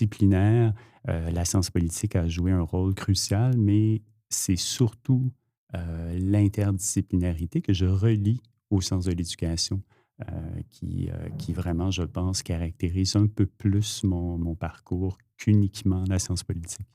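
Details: Adult male speaker; normal speech.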